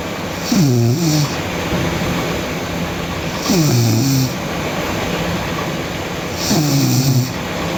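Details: Sleeping girl snoring loudly: low, rattling snores about every three seconds, around 20 a minute, over steady background hum.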